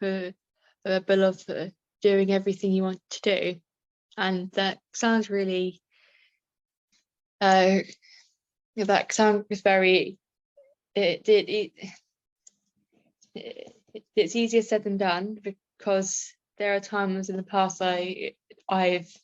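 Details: Adult woman with a stammer; stammering.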